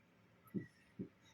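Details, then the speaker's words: Vocal imitation of an asthma wheeze: two short, low, nasal "ngik" sounds mimicking air squeezed out on exhalation through constricted bronchi. "sehingga kalau kita Dengarkan dengan seksama napasnya ee ada yang tersisa dan keluar seperti suara mengi Ngik ngik seperti itu"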